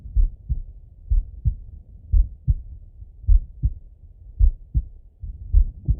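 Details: Heart auscultation with stethoscope of a relaxed person lying in bed; slow steady lub-dub about 55 beats a minute, normal heart sounds.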